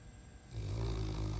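A dog's low, rumbling snore builds from quiet breathing into a loud, rattling inhalation.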